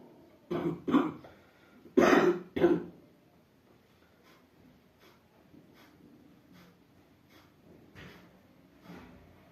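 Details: Cough and cold: four loud, slightly wet coughs in two pairs, then quiet breathing and soft throat noises; a cough from a common cold.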